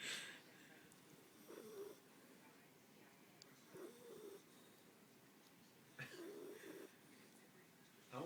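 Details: Jack Russell Terrier sleeping: soft, low, buzzing snores about every two seconds over room noise; a small dog snoring gently in its sleep.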